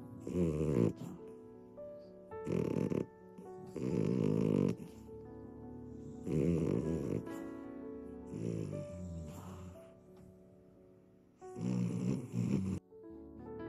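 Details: Irregular rattling snores from a sleeping beagle, stated to be real snoring and not AI-generated, mixed with background music; snoring in a dog.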